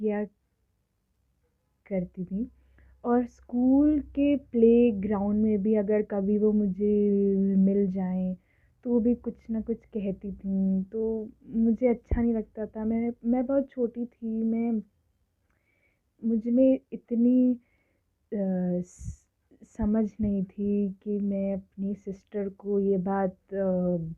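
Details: Adult woman who has stammered since early childhood, speaking Hindi/English; stuttering.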